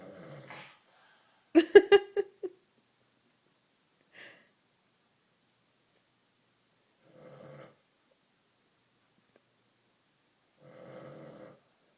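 A sleeping dog gives soft, rough snoring breaths at intervals, with a brief burst of grunting sounds early on; snoring.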